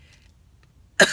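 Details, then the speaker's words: An adult with an ongoing cough says nothing comes up, with a possible return visit if not better; after quiet, a single loud, harsh cough burst comes at the end. "excuse me it's like horrible so I do apologize for all the coughing but it sucks"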